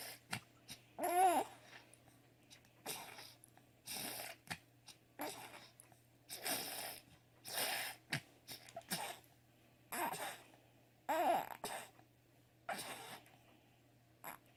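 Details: Expiratory grunting with upper airway congestion.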